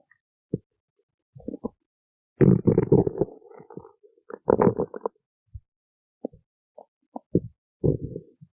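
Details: Stomach growling (borborygmi): irregular gurgling and bubbling rumbles with short pops and longer growls from gut movement.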